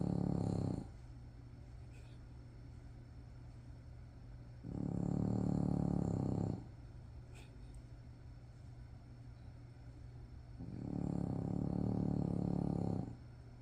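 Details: Sleeping French Bulldog puppy (flat-faced dog) snoring: loud, low, rattling snores on each breath, three in about 14 seconds with quiet pauses between.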